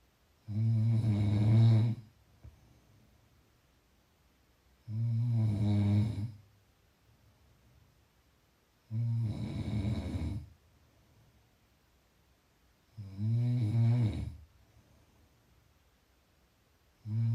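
Loud, low rattling snores on each breath, about 14 a minute, with quiet pauses between; steady snoring in sleep.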